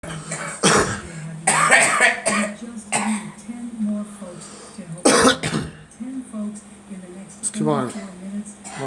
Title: Girl coughing and spitting